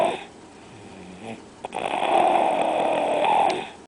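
A long, harsh, rattling breath sound with a fluttering quality, typical of snoring, in a quiet room.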